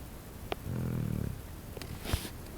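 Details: Pet dog asleep: a single low, rattling snore lasting about half a second, with faint room noise and small knocks around it.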